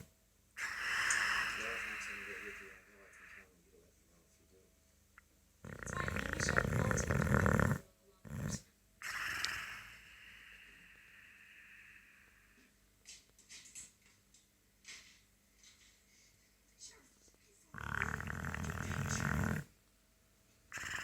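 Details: Boxer dog sleeping: loud, rasping snores separated by quieter pauses and a few small noises.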